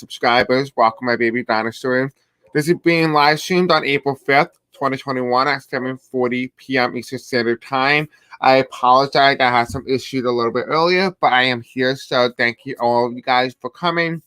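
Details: Man who reports a deaf accent and difficulty pronouncing certain words; deaf speech.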